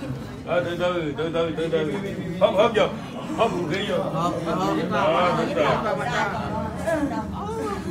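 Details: Adult practitioner speaking; no speech disorder.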